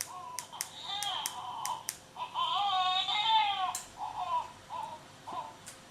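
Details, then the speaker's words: Thin, tinny infant cries heard through the parent unit speaker of a Breezo baby monitor during a test, with a few sharp clicks between them. "les cris du bébé on les entend on peut ajuster le volume avec les touches en bas en bas à droite pour"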